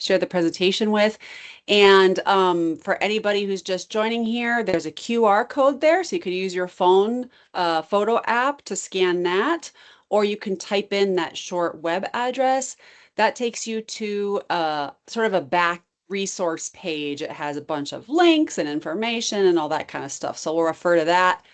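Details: Adult woman speaking; typical speech.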